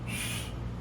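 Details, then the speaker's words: Vocal imitation of a blowing heart murmur, the sound of turbulent blood flow through a stenotic or insufficient valve or an abnormal communication such as a patent ductus arteriosus or atrial septal defect. "Y entonces se va a escuchar un sonido y eso se conocemos como soplo y puede ser aspirativo sí escucharon que alguno como que se escucha Y otro como Si estuvieran soplando"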